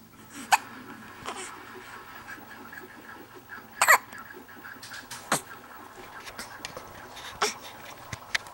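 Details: Sharp, abrupt catches of breath recurring about 18 times a minute amid soft vocal sounds and room noise; morning hiccups in a little boy.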